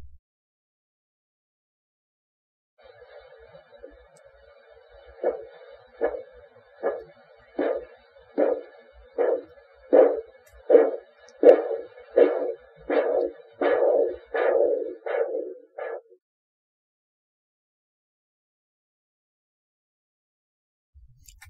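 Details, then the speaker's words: Practice clip of Korotkoff sounds during a manual blood pressure with cuff and gauge: the pulse thumps are heard as the cuff deflates. "watch the pressure gauge and listen to the pulse in the following Clips note the systolic and diastolic pressure for each measurement"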